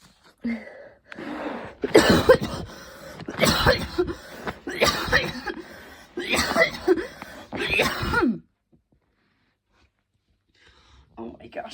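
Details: Intense evening coughing fit before bed, stronger than the person's usual coughs, leaving them hot and tired: repeated harsh cough bursts in quick runs over about eight seconds, then quiet.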